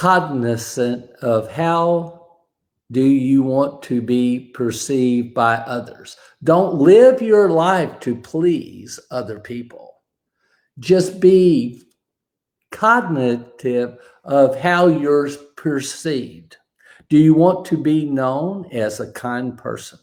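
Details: Aphasia after a stroke, described as an invisible disability; a bad morning reportedly affected his ability to talk that day.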